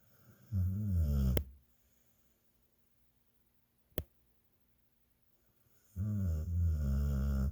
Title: This guy snores louder then me!!!